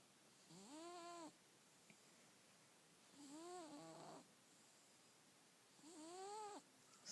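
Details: A sleeping cat gives three whistly, pitched snores that rise and fall with each breath, about 22 breaths a minute, with quiet gaps between; snoring.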